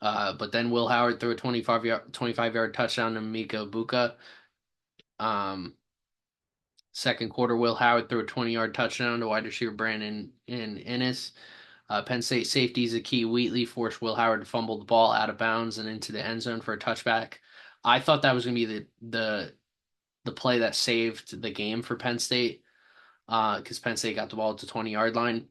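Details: Stuttering in an adult male sports podcast host who says he has a stammer.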